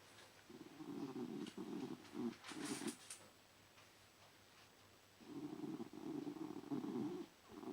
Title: Snoring and dreaming